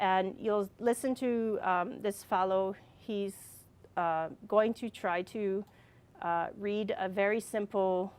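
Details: Adult with receptive and expressive aphasia and apraxia of speech from a brain injury caused by a fall, speaking more than four years after the injury; aphasia with apraxia of speech.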